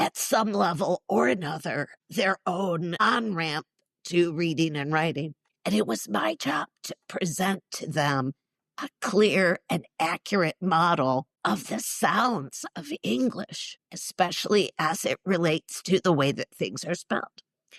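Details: Adult woman, former choir singer and special education teacher, with neurological spasmodic dysphonia involving the basal ganglia, plus essential tremor; treated with Botox injections to the vocal cords; condition especially affects vowels; spasmodic dysphonia.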